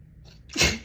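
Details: One abrupt, forceful sneeze from a woman after a faint inward breath, during repeated dust-allergy sneezing with a stuffed, tickling nose and watering eyes.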